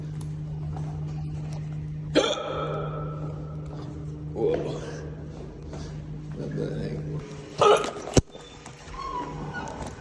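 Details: Short, abrupt voiced catches recurring every few seconds over a steady outdoor traffic hum: hiccups.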